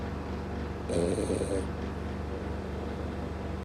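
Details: Flat-faced French bulldog snoring: one short, rattling, snort-like snore with a thin whistle over steady room noise.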